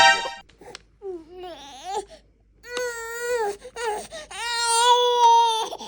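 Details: Infant on day 6 of weaning food, refusing to eat: loud, tonal crying in wavering wails with short breaks for breath, faint background music; infant cry.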